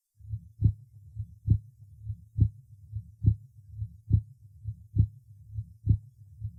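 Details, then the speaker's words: Patient with hypertensive disease, recorded first over the aorta then over the pulmonary artery: regular heartbeat about 70 a minute, soft first sound. Accentuated second sound, much louder over the aorta than the pulmonary artery. "прослушайте тоны сердца у больного с гипертонической болезни обратите внимание что громкость второго тона на аорте существенно выше чем на легочной артерии"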